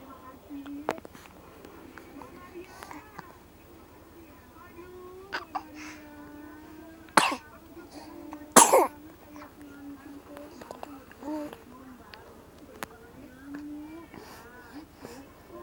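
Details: Baby coughing: soft infant vocalising and fussing with a few short, sharp cough bursts, with room noise throughout.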